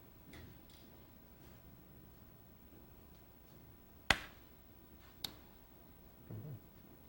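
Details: Two sharp, loud clicks a second apart over quiet room noise: single transcranial magnetic stimulation pulses during depression treatment, used to find the hand motor threshold; a strong pulse triggers an involuntary hand movement.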